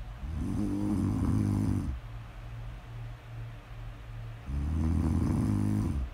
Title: Snores: Snore Audio ASMR